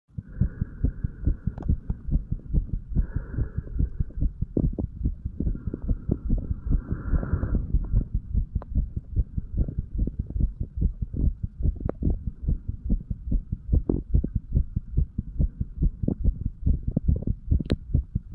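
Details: A 35-year-old male, sick and detoxing, records his own heart through a stethoscope over the tricuspid area: steady, regular low thumps with a faint hum early on.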